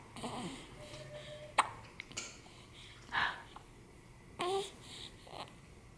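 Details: A few short, sharp voiced gulps at irregular intervals over quiet room noise from a young child; hiccups.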